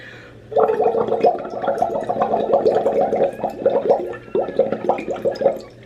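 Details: Phlegm rattle during straw phonation in a sick female singer testing her voice; she says the phlegm sits in her top range and can be heard shaking, and she was getting retested for COVID.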